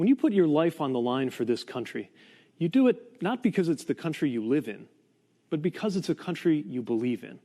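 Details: Adult man; Ordinary speech.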